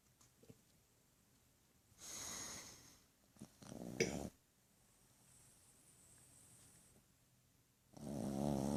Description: My dog snoring louder than a human